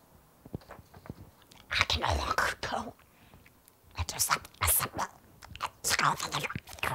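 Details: Woman with spasmodic dysphonia who says she can no longer speak normally or talk on the phone, speaking with spasmodic dysphonia.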